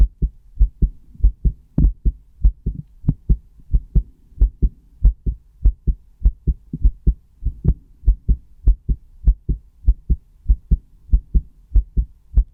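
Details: Self-recorded with a stethoscope: steady, regular paired low-pitched thumps at about 98 beats a minute; normal heartbeat.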